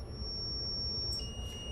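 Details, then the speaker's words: Zoll defibrillator set to synchronized cardioversion at 100 joules; steady high-pitched electronic tone with a second tone joining as it charges: defibrillator charging tone. "typically in um synchronized cardio version the jewels are lower so we're going to take it down to 100 and we're going to charge"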